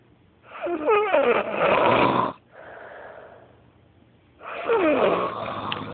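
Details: Very loud, awkward snoring at 5 in the morning: loud, rattling inhaled snores with a falling whistling tone, separated by a softer exhale.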